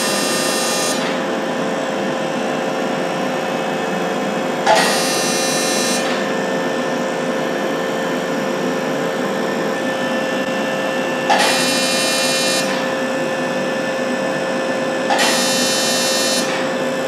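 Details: Steady machine hum broken by three short buzzing bursts as a non-ablative fractional CO2 laser fires on numbed facial skin, over the right cheek down to the jaw. The patient feels only mild warmth.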